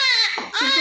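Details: Loud, high-pitched, clear cry with a brief break for breath from a newborn male baby born covered in much vernix, with strong reflexes; vigorous newborn cry.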